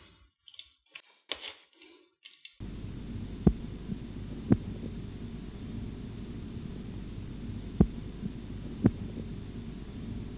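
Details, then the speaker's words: Korotkoff sounds from an auscultatory blood pressure training recording with a bradycardic patient: soft, slow, widely spaced low thumps over the steady hiss of cuff deflation, with the last tone at 88 mmHg, giving 140/88 mmHg. "На 88 мм рт ст. Без сомнений. Особенность пациента - брадикардия."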